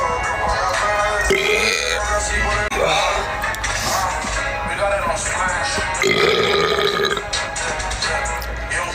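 A few loud, drawn-out belches over music and crowd noise; burping.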